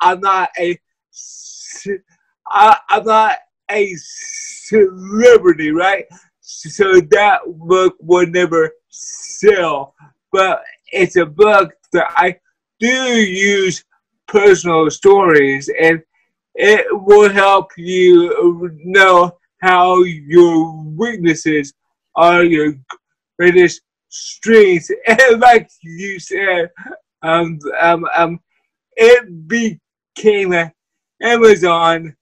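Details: Dysarthria in a person with cerebral palsy who uses a wheelchair.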